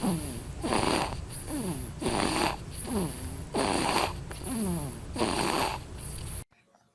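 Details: Snoring in a sleeping baby: quick, regular, snuffly snores at about 40 per minute with a soft snorting quality.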